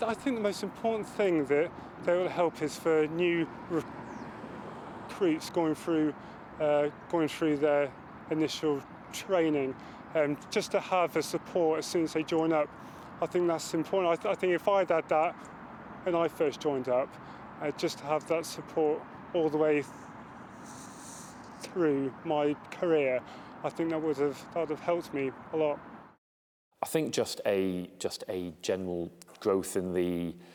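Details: Adult male RAF corporal with a stammer who has had speech therapy to cope with it; stammering.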